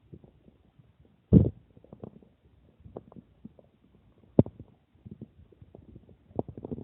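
Irregular low gurgles and a few louder bubbling bursts of stomach growling, ordinary bowel sounds after drinking water.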